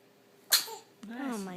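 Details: A single sharp, hissing sneeze from a young child in the morning, followed by a brief vocal sound.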